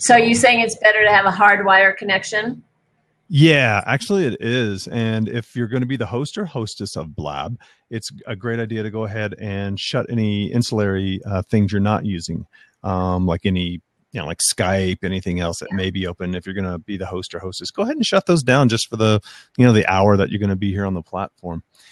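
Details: Adult male speaker; typical speech.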